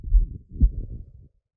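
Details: Normal horse heart heard through a cardiac stethoscope over the mitral, aortic and pulmonary valve area: low, thudding lub-dub heart sounds; normal heart sounds.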